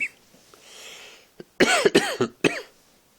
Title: Coughing 2